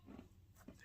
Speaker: It's. That's snoring. Yep.